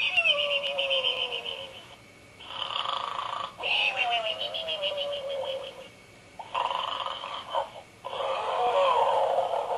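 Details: Simulated snoring from a battery-powered plush pink pig toy activated by squeezing its hoof: repeated droning, pig-like snorts in long in-and-out cycles.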